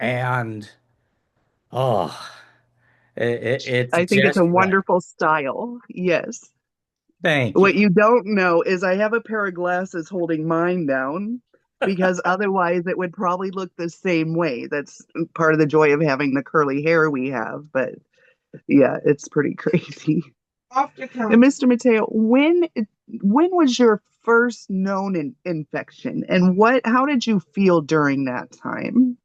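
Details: Adult host in conversation with another speaker; normal speech.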